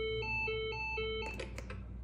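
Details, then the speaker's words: Lifepak CR2 AED demo in adult mode, after chest compressions: voice prompts to stop compressions and stand clear, with repeating electronic two-tone beeps prompting the shock button, then a brief clatter; AED shock button prompt tone. "Stop chest compressions. Everyone clear. Press flashing button."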